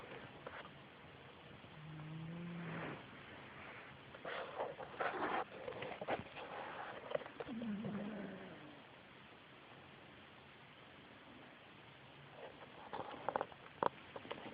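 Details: Elderly male cat asleep, snoring: low, droning snores a few breaths apart over quiet room noise.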